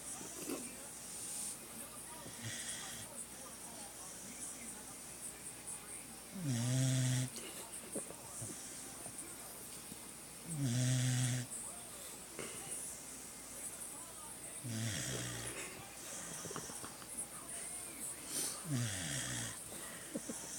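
Low rumbling snores recur about every four seconds, with softer breaths between them over steady room noise; ordinary snoring.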